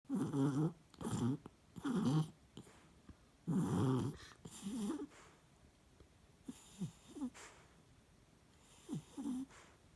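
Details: Sleeping Yorkshire terrier twitching as if chasing rabbits in his sleep; irregular bursts of snorting snores, then softer snuffles and brief squeaky whimpers: snoring during sleep.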